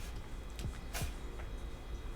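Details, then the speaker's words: Two quick, faint, airy sneezes from a pet in the background, heard over a low room hum during a live stream. "I don't know if you guys can hear that in the back, but Butter's sneezing."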